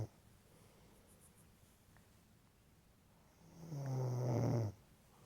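Quiet room, then one deep, low, vibrating snore lasting about a second on a breath in; ordinary snoring.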